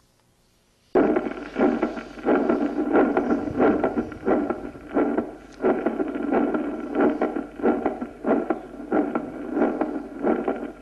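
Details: Physiological third heart sound: regular heart sounds around 90 a minute with an extra early diastolic sound, attributed to rapid ventricular filling.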